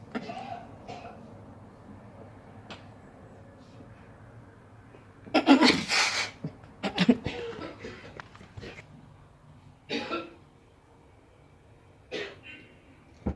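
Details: A few harsh cough bursts from a mother, a cluster in the middle and single coughs later, over quiet room noise.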